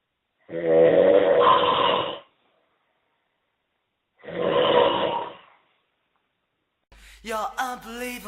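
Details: Man snoring on holiday, summer 2008: two loud, rough snores several seconds apart, then a brief burst of other sound at the end; ordinary snoring.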